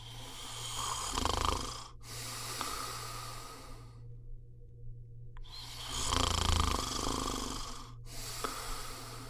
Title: صوت شخير Snoring sound